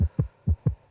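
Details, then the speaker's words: Simulated heart auscultation on a virtual patient simulator (surgical clinical case): two quick regular lub-dub cycles at roughly 125 a minute, sinus tachycardia. "синусовий тахікардія"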